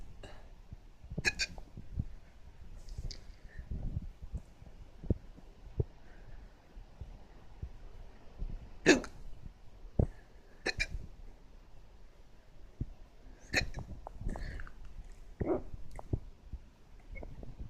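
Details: Hiccups in a dog: repeated short, abrupt gulping clicks at irregular intervals, about eight in eighteen seconds.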